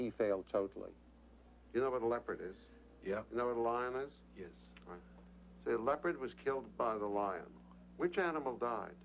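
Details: Adult male clinician speaking, with brief replies from another person; no disorder.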